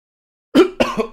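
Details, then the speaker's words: After a brief silence, an adult gives a sudden short voiced cough followed by a second quick burst. "I'm sorry, guys. Sorry you had to hear that cough. If you're on speaker, I'm sorry."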